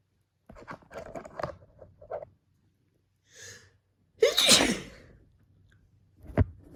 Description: Just felt like sneezing :D